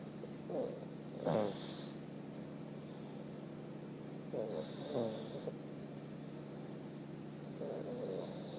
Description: Our 1 year old Pug Fez Snoring LOUDLY!!!! Funny, Cute Boy.....